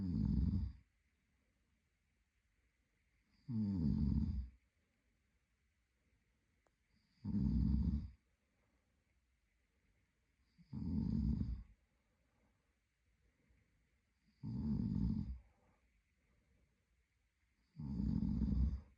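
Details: A sleeping adult man (boyfriend) gives six regular rumbling snores, about 17 a minute, with quiet pauses between them in a still room; ordinary snoring.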